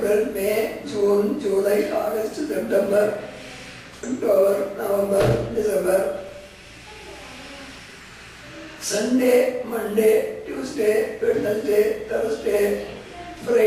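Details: Patient after laryngectomy speaking with a Blom-Singer voice prosthesis (speech valve), reciting months and days of the week; tracheoesophageal speech.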